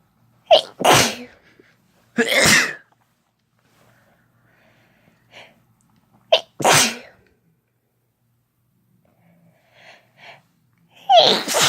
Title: Sneezing with no talking (F+M)